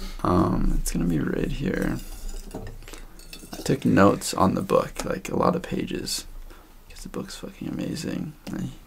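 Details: Stuttering in a female podcast guest who stutters, noted as stuttering much more than usual in this conversation; repetitions of words and part-words.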